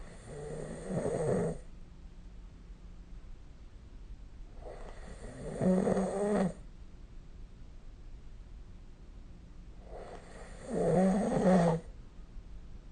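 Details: Snoring recorded with the SnoreLab app: three loud rattling snores on the in-breath, about 12 a minute, with quiet breathing between them.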